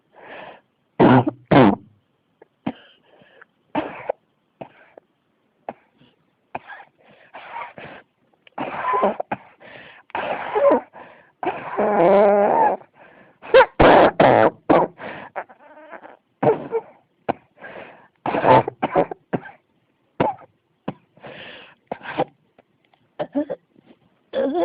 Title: 咳が止まらない 44 cough